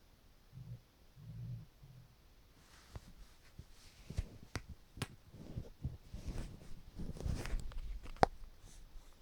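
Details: Hungry person after drinking water: low soft gurgles, then bubbling rumbles with faint clicks; stomach rumbling, borborygmi.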